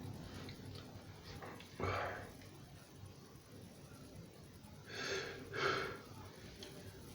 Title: Non stop sneezing for 4 minutes!